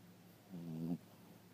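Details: Sleeping 4-pound female Chihuahua, said to snore louder than anyone in the house: a single short, low, rumbling snore against quiet room noise. Dog snoring.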